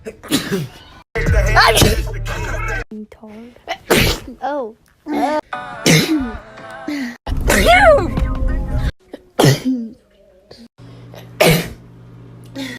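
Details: Compilation of a person's sneezes over a year: several sharp, explosive sneezes in a row, with quiet voiced sounds between and background music; sneezing.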